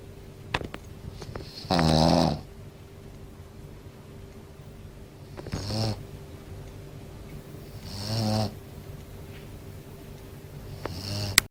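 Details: Shih Tzu dog snoring loudly: rattling snores with each breath in, about three in ten seconds, with quiet gaps between.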